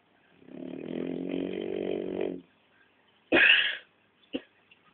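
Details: Snoring from a Shar Pei dog sleeping in a shared bed with its owners, disturbing their sleep.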